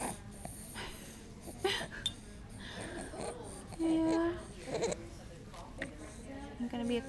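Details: Infant with laryngomalacia about three hours before supraglottoplasty surgery: high-pitched, squeaky inspiratory stridor on each breath in.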